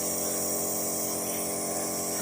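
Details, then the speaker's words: Steady, loud buzzing motor hum of a Dr. Trust nebulizer compressor switched on during an unboxing test; nebulizer compressor running. "Main switch on करेंगे पहले उसके बाद machine का switch on करके देखिए ऐसे हम सेट करेंगे या फिर हम इससे भी ले सकते हैं देखिए अब मैंने ये ऑन कर दिया है अब देखिए कैसे बाहर आ रही"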